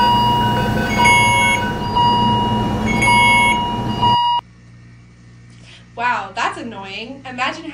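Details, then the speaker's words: Simulated alarm overload for a nursing alarm-safety presentation: overlapping repeated beeping and tonal alarms from several devices at once, then speech; illustrates alarm fatigue. "and I'm sure we've all experienced over stimulation of these alarms at our clinicals and that's just of 8 hours if you don't here's a little taste of what alarm excess can sound"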